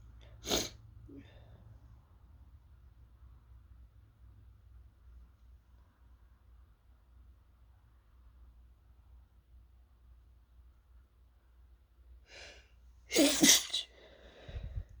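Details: Sharp sneeze, long quiet pause, then a sniff and a stifled double sneeze, triggered by fumes from toasting chili peppers with a sore throat; irritant-induced, partly stifled sneezing.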